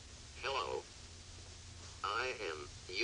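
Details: Synthesized speech from a Texas Instruments Vocaid augmentative communication device, 36 squares with interchangeable overlay, set up for telephone use with a limited vocabulary, demonstrated by a speech pathologist.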